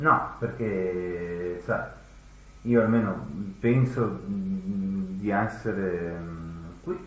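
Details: Acted portrayal of acquired Wernicke-type aphasia, comprehension worse than fluent, apragmatic, torrential verbal production; not dementia, though it can manifest in frontal, frontotemporal or Alzheimer's dementia; Wernicke's (sensory) aphasia.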